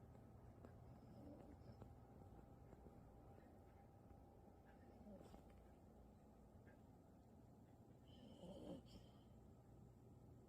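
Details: Dog sleeping and snoring.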